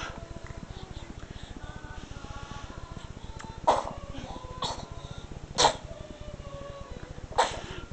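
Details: Pet named in caption sneezing: several small, sharp sneezes over steady background noise; sneezing.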